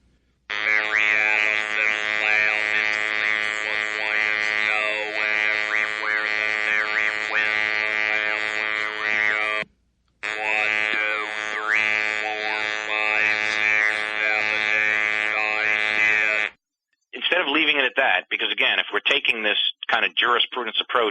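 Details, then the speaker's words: Flat, mechanical buzzing voice with words shaped over it, from an electrolarynx held in front of the mouth while reading a brief passage; a replication test recording of electrolarynx speech. "I am going to read a brief passage for you with the electro larynx held in front of my"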